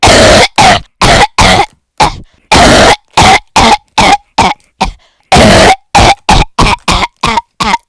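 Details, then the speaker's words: Coughs from a person with a cold, deliberately performed as a collection of varied coughs. "So, I have a cold, and I'm one of those people who has those interesting coughs. So, here I have made up a collection of coughs for you."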